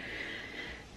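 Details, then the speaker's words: Rattly breathing from a very severely disabled son congested after flu, head raised, not coughing effectively despite nebulizer and chest physiotherapy; temperature and oxygen levels normal; upper airway congestion. "is feeling okay but he's just so congested hi head up a little bit more hear it it's like he just needs to really cough"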